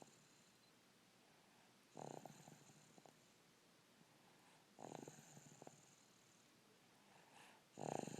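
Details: Snoring while napping on Easter Day: soft rattling snore bursts about every three seconds, roughly 20 breaths a minute, in a quiet room; ordinary snoring.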